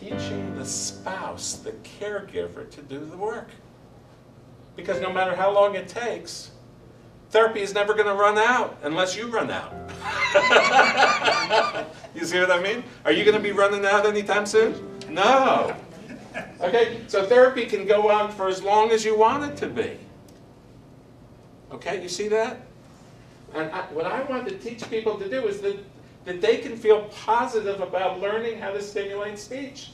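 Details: Adult male speaker; Normal speech.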